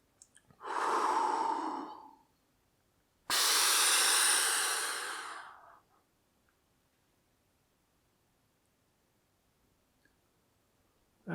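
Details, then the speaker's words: Pulmonologist demonstrating the Symbicort Turbuhaler: first empties the lungs fully, then takes a strong, fast, deep breath in through the mouthpiece, then silence while the breath is held, aiming for about 10 seconds. "as i said you need to be breathing forcefully and deeply but first you need to empty your lungs so really nowhere in your lungs and then you'll have plenty of space to breathe this in and really deliver it deep within the lungs"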